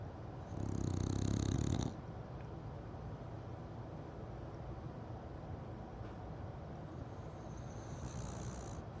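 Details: One loud, low, rattling snore, then quieter steady breathing from Winston, a dog sleeping with one eye open; snoring.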